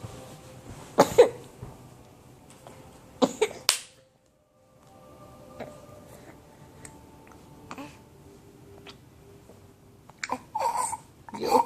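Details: A person coughing and sneezing out breakfast while eating on a couch: several short, sharp coughs in brief bursts, separated by quiet stretches with faint room noise.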